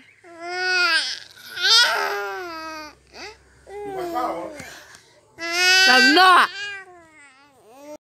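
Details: Tongan baby crying: several loud, high-pitched wailing bursts broken by brief pauses and babble-like sounds.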